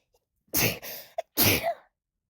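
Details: Adult woman's induced sneezes, kept gentle and stifled because of a new nose piercing: two soft, held-back sneezes with a short breath between, recorded on a phone in a quiet room.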